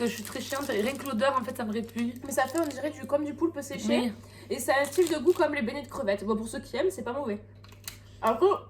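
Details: Adult woman speaking French; typical voice.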